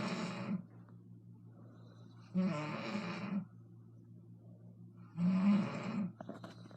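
Three loud rough snores on breathing in, about 21 a minute, with quiet pauses between them and a steady low hum in the room. Ordinary snoring.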